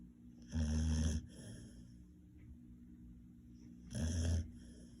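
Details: Snoring: a sleeping dog giving two deep, rumbling snores about three and a half seconds apart, with soft breathing between them.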